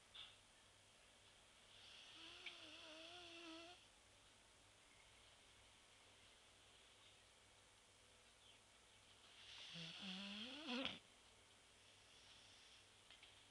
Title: Clive the shar pei snoring